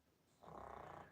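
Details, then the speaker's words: Pet dog named Lola snoring during a live stream, noticed as a weird noise: one rough, fluttering snore breath starting after a quiet moment. "uh what's that weird noise is that noise your dog snoring yes yes it is that's Lola"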